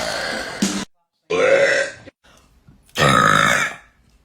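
Three loud, drawn-out voiced burps with brief pauses between them.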